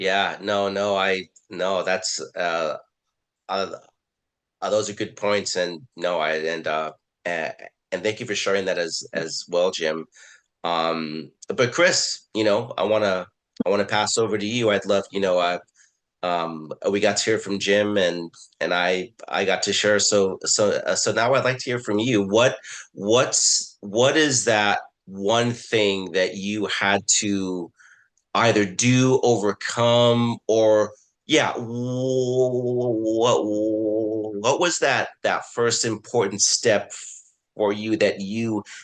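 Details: Adult man who identifies as a person who stutters, with word and phrase repetitions and filler words; stuttering.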